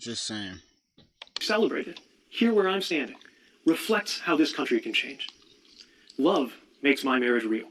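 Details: Adult speaker; speech.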